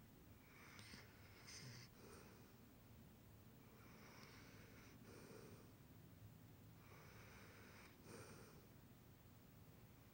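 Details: Short snoring clip: soft, noisy breaths repeating over quiet room noise, several with a snorting, rattling quality.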